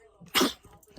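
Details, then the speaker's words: Dog trained to sneeze when begging, sneezing while begging: a single short, sharp sneeze; a communication/begging sneeze, not an illness sign. "Yes, I taught them to sneeze for begging. They never do it on command, but they know how to sneeze."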